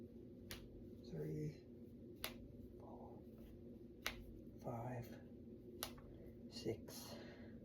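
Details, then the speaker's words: Five sharp, separate pops from deliberately cracking finger knuckles, with quiet murmured counting between them in a small room; person says it felt good; knuckle cracking. "Ooh, that felt good. Wow. It feels good to crack my fingers."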